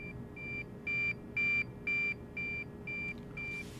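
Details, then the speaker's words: Neoprobe gamma detection probe system: steady repeating beeps about two a second, growing louder then softer as the volume knob on the right front of the unit is adjusted. "the volume is adjusted using the volume knob on the right front of the unit"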